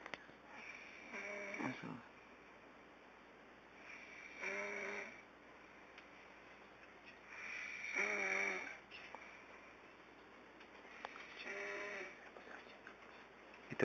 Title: snoring